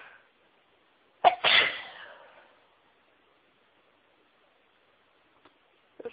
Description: Trying to announce my sneezes but it was so hard!